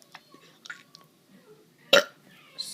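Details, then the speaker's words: A child demonstrating how to burp deliberately: soft mouth noises, then one loud, abrupt belch. "hey guys I want to teach you how to burp kind of well not I not that good at it but you go it's like soing water you go then you just go okay you like this you like do this then"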